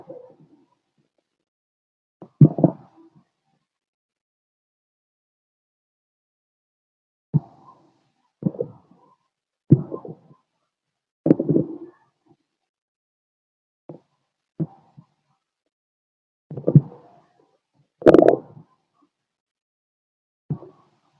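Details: Male lying down, stethoscope on the abdomen: irregular low gurgles and rumbles of active bowel sounds, with his heartbeat also recorded; stomach growling (borborygmi).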